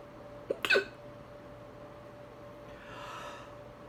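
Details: Single sharp hiccup with a brief voiced catch then a soft exhaled breath over faint room hum; adult hiccups after eating salami too quickly.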